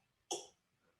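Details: One short, sharp cough, a research sample from a COVID-19 cough study, with or without COVID symptoms unstated; sounds like an ordinary cough.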